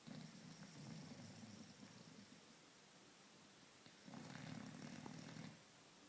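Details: Boxer dog sleeping on the sofa: low, rattling snores, two long breaths over six seconds against steady room hiss; ordinary snoring.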